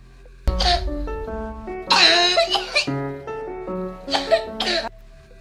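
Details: Several ordinary, non-barking coughs over background music, without the harsh seal-like bark of croup; shown as a contrast to croup's barking cough.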